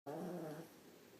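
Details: Very loud snoring from a sleeping female that is said to wake the owner almost every night: a single rough, rumbling snore fading out over about a second.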